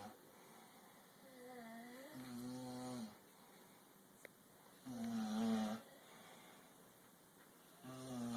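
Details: Slowed-down snoring during sleep, played back in slow motion: drawn-out snoring breaths with a low, wavering tone.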